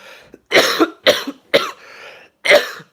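Four harsh, fairly dry coughs in quick succession with a brief throat-clearing between; cough with a cold.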